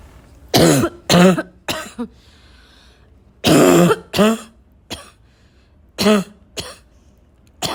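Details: Recurring intense barking cough: about ten harsh, voiced cough bursts in pairs and singles with throat clearing; loud barking cough.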